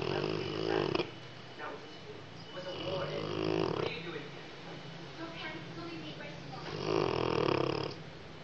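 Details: Sleeping Rottweiler snoring: loud, deep, rattling snores with quieter breathing between them; heavy snoring.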